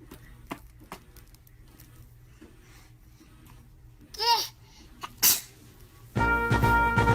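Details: Baby sneezing while an adult says "bless you": faint room noise, a brief baby squeal, then a single short sneeze burst, followed by loud background music.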